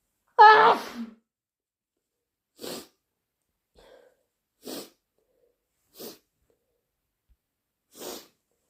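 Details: One loud voiced sneeze induced with chhinkni (sneezing powder), followed by several short thick sniffs and nasal blows in a quiet room; sneeze.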